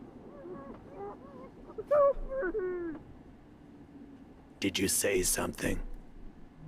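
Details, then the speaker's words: Sound from the speaker's own stomach: stomach growling (borborygmi). "제 배에서 나은 소리입니다."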